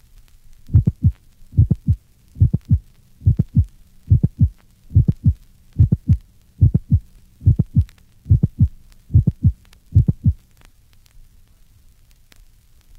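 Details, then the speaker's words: High-pitched early systolic aortic ejection sound, a sharp click just after the first heart sound at about 71/min, from a patient with coarctation of the aorta; heard best over the aortic area and well transmitted to the apex. "this recording of a high-pitched aortic ejection sound was taken from a patient with a coarctation of the aorta refer to figures 39 and 41."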